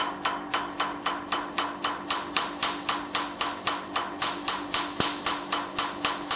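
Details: Q-switched Nd:YAG laser firing during a "black doll" skin treatment: rapid, evenly spaced sharp snaps, about 230 a minute; patient asked if it hurts says it's okay.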